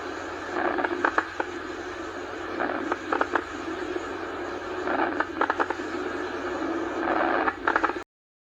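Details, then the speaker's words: Lung crackles: bursts of brief popping clicks on each breath, likened to fireworks or hair rubbed near the ear. "Agora vamos falar de estertores crepitantes. Eles lembram o som de fogos de artifício ou de cabelo sendo esfregado perto do ouvido."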